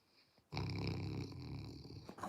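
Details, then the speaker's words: A sleeping Great Pyrenees dog snoring: loud, low rumbling breaths with a rattling, snorty quality. "Yeah, if you can hear the snoring. She's dreamy. I can feel it. Yeah. You snoring, baby."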